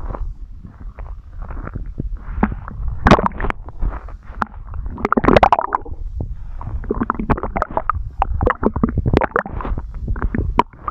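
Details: Stomach growling recorded very close up for ASMR: constant loud sloshing gurgles and crackly pops; ordinary bowel sounds.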